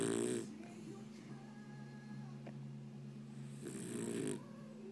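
Two brief snorting snore sounds with a steady background hum between them; snoring in a sleeping dog.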